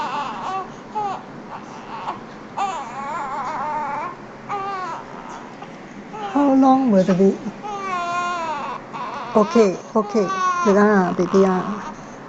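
Repeated wailing cry bursts with rising and falling pitch, some whimpering between, in a small room; ordinary infant crying.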